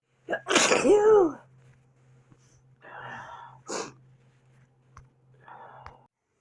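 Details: A short breath in, then a loud, explosive sneeze, followed by quieter breathy sounds and a small second burst; one of a person's own sneezes, from a compilation recorded over a week.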